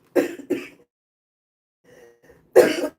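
Two short, sharp coughs, a faint throat noise, then another cough; coughing in an adult with lupus affecting the lungs.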